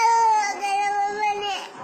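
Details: Young child gives a sustained, strong wailing cry, dropping slightly in pitch, on being told of actor Kalabhavan Mani's death.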